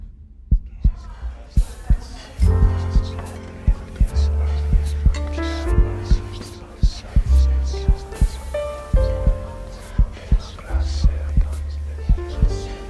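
Steady low thumps at about 57 a minute under soft ambient music; a slow, regular heartbeat sound.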